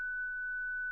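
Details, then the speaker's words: Steady, unbroken electronic tone from a ZOLL Zenix hospital defibrillator charging for the daily 30-joule test, signalling the shock button is lit and ready. Defibrillator charged tone. "Sélectionnez le bouton test 30 joule. Vérifiez que Zinix se charge, qu'un son continue retenti et que le bouton choc s'allume."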